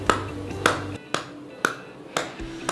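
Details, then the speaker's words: Regular sharp hollow pats, about two per second, with a faint background tone: cupped-hand clapping physiotherapy on a child's back over the rib cage for 5–10 minutes to loosen phlegm from the lungs, with infrared lamp therapy. "Kita tepuk-tepuk dengan ritme dan konsistensi yang cukup. Kita lakukan 5-10 menit. Tujuan dilakukan tepukan ini agar dahak-dahak yang menempel di sekitar paru bisa lepas dan mudah keluar."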